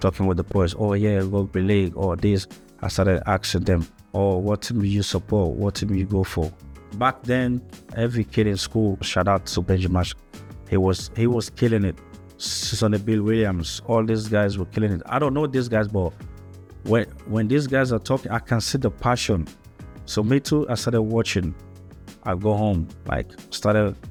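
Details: Adult man with stuttering since childhood in Africa, later moved to Australia; English is not his first language; stuttering.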